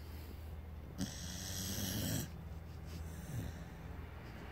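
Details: Loud snoring during sleep: quiet rumbling breaths with one louder, raspy, hissing snore against low background noise.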